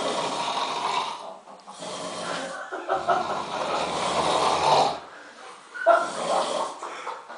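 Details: Loud, harsh, rattling snores on each breath in and out, three to four cycles; ordinary heavy snoring.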